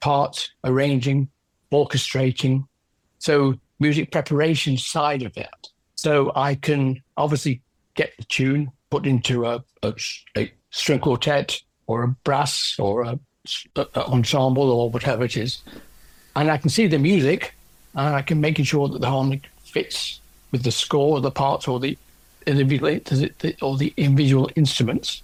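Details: Adult man with aphasia after a stroke caused by a left middle cerebral artery blockage 10 years earlier.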